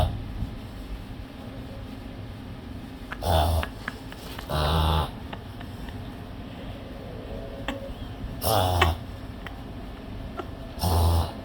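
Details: Loud snorting inward gasps in four separate bursts from a pet, a reverse sneeze.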